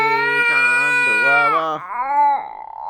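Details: Infant crying after waking up: loud, sustained cry with a strong, clear pitch and a few brief breaks between wails.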